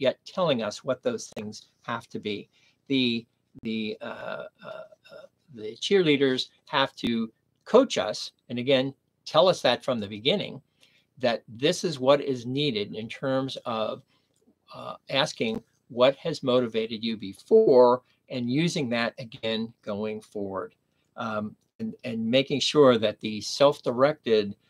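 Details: Man with aphasia after a stroke at age 59, nearly 11 years earlier, in the later recovery period; aphasia.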